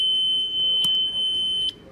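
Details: Alarm tone of a Zoll hospital telemetry monitor/defibrillator in transcutaneous pacer mode: a steady high-pitched electronic tone that cuts off after nearly two seconds.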